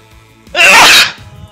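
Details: One loud, hissing sneeze lasting about half a second, with faint music in the background.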